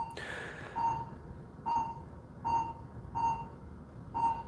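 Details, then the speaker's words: Pulse oximeter on an adult physician's own finger beeping at about 70 a minute, tracking the heartbeat; the rate speeds up and slows down, with slight normal variation in spacing. "everyone hear my heart rate changing? Does everyone hear how it speeds up and it slows down?"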